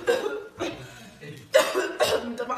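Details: Four to five short, harsh cough bursts in quick succession from a person coughing during a shoot; a plain cough.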